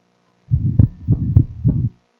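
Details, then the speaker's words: Atrial septal defect: low heart sounds with an ejection systolic murmur between beats and a fixed split second heart sound, played at slow speed. "Okay, so tell me what you are going to expect. An ejection systolic murmur and a fixed split."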